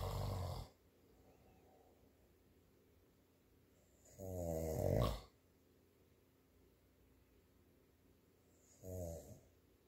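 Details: Loud, rough, rattling snores on the in-breath, about 14 breaths a minute, with quiet pauses between them: snoring.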